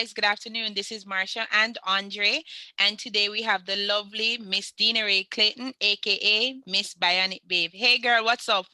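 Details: Adult woman speaking; Ordinary fluent speech.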